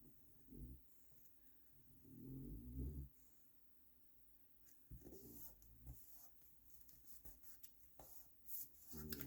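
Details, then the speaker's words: Dog asleep in the room, snoring away during a craft session; snoring. "And if you hear that snoring, that is Molly. I'm telling you, I may get a Molly cam because that dog is always in the video snoring away."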